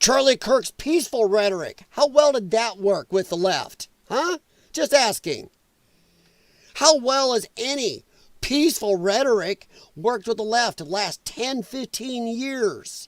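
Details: Dysphonia in a man whose vocal cords he says were damaged by infections from his lung problem; he is a former show choir singer and calls it a disability.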